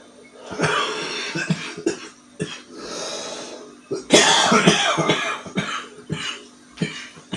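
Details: Harsh, rattly coughing fits from a mature adult male smoker; smoker's cough.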